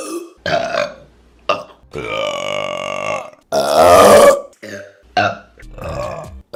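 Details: Burping compilation: a run of loud voiced belches, some drawn out and some brief, separated by short pauses.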